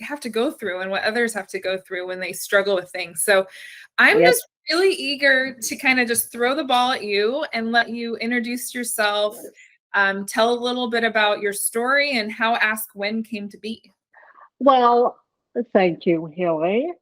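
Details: Adult woman speaking, brief reply from a second voice; typical speech.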